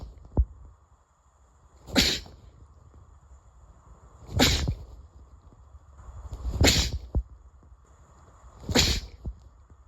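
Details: Ordinary repeated sneezing: four sharp, explosive sneezes about two seconds apart over steady background hiss.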